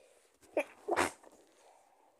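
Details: Strong stifled sneeze: one short, stifled sneeze with a brief catch before it, then quiet.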